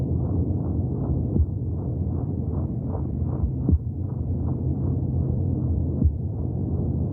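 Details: Rapid, regular whooshing beats, roughly 160 a minute, under a steady low rumble: fetal heartbeat in the womb.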